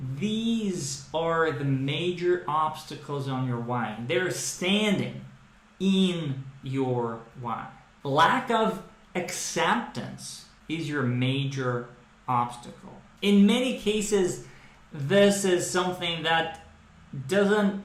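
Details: Adult man who stutters, with a brain predisposition he describes as a speech processing–articulation mismatch; using the 'training speech' developed in speech therapy for stuttering; stuttering (fluency-shaping speech).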